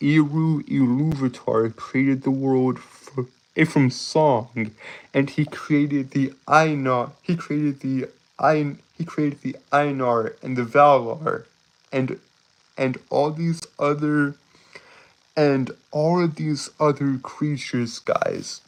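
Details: Male streamer with a self-reported speech impediment causing stuttering, tripping over words and unusual breathing; stuttering.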